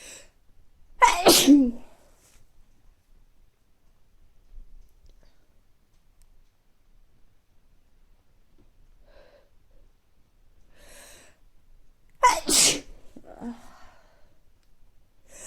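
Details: Adult between recurring mild colds, not very stuffy but sneezy: two forceful sneezes about eleven seconds apart, each a sharp explosive burst with brief nasal sounds between.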